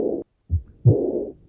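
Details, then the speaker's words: Early diastolic murmur of aortic regurgitation: low heart sounds, then a very soft blowing murmur filling diastole. It is heard at the accessory aortic focus, the third left intercostal space at the sternal border, best with the bell and the patient seated leaning forward. "El soplo de deficiencia de la válvula aórtica lo vamos a escuchar mejor en el foco accesorio aórtico."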